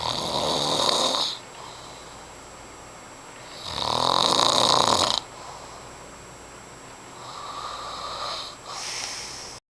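Loud rasping snores on slow breaths, each lasting about a second, with quiet gaps between: snoring.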